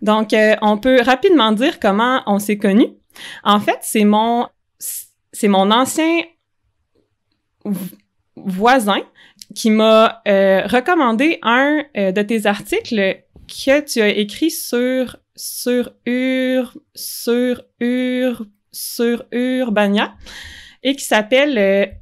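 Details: Cluttering in an adult man, a French-speaking comedian, who only learned in adulthood that cluttering has a name and that speech-language therapy is available for it.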